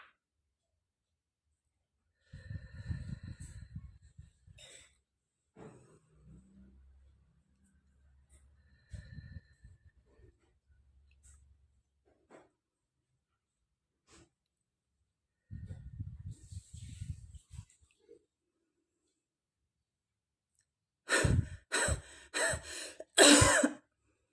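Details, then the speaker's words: A demonstrated effective cough for Covid-19 patients and survivors: slow deep breaths, then about four forceful voluntary coughs to clear sputum. This is the final stage after three deep nose-in, mouth-out breaths and three huffing coughs. "Nah, yang terakhir coughing untuk mengeluarkan dahak."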